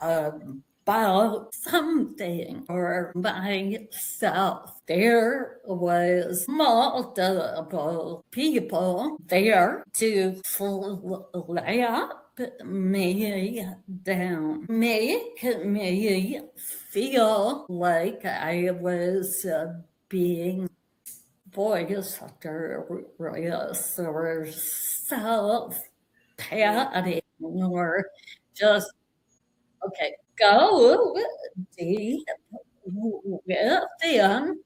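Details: Adult woman with vocal tremor, which she attributes to over five decades of narcissistic abuse and trauma beginning at age five and affecting her body and nervous system.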